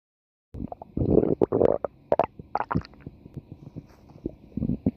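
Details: Lemo's stomach growling: bubbling, squelching gurgles and brief growls in irregular bursts; ordinary stomach growling (borborygmi).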